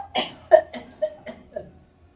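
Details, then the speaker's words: Weak cough in a neuromuscular patient with amyotrophic lateral sclerosis during respiratory physiotherapy training, after air-stacking breaths: about six short, soft, low-power cough bursts. "más fuerte no más fuerte entonces Esa es la forma que yo voy a ir entrenando eh para que haga la la tos con el"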